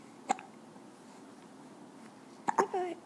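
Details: Two sharp hiccups a couple of seconds apart, the second followed by a brief vocal sound, in a quiet room.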